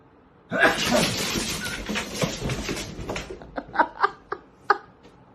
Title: Hilarioius moment pet cats jump when owner sneezes